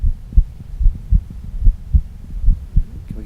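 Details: Decreased first heart sound, from a stethoscope chest recording played through a speaker.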